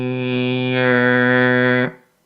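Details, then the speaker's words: A sustained vowel with a nasal, bleating tone that shifts midway, heard over consolidated lung in pneumonia; egophony. "so it's believed that one-third of patients will have some sort of consolidation signs and this might include egophony represented here"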